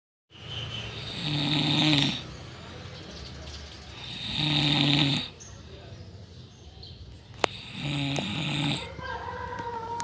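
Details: People asleep at night (about 2:30 am), secretly recorded: loud, rough snores recurring about every three seconds, quieter breathing between, faint room noise.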